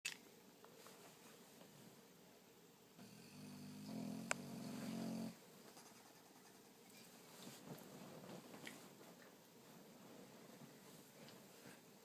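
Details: Snoring in a sleeping Boxer dog that snores like a human: a quiet room, a brief, loud, rough rumbling snore on one breath in the middle, then soft breathing noise.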